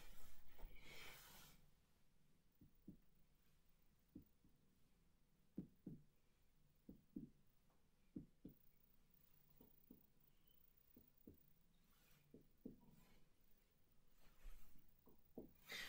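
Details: Chest percussion during a respiratory assessment of a male with clear lung sounds and no adventitious sounds: resonant percussion note.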